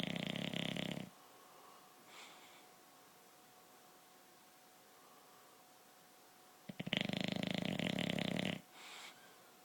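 Two long, harsh, rattling snoring breaths separated by quiet breathing, with a faint steady hum in the room.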